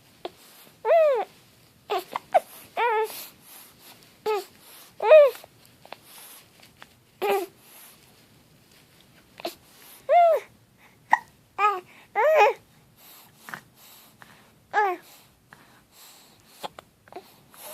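Repeated short voiced hiccup-like bursts with babbling vocal sounds between them, about a dozen over eighteen seconds; hiccups.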